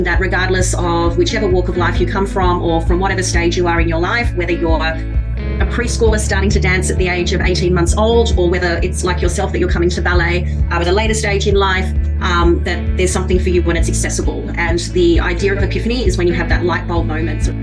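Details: Adult woman speaking; normal voice.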